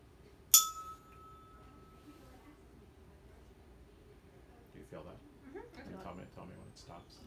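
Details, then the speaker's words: 128 Hz tuning fork vibration-sense test in a training demonstration, done at the index finger of the hand, where over 25 seconds is called normal: a sharp strike, then fading ringing, with quiet talk afterward. "and then also we before this has to test at the hand balance of the index finger so the normal the normal for this site is 25 seconds"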